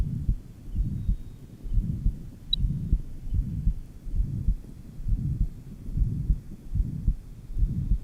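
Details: Johns Hopkins heart sound laboratory recording from 1955, apex: low, muffled heartbeats with a soft murmur; pure pulmonary stenosis, with diastolic "whisp" noted at the 3rd left interspace.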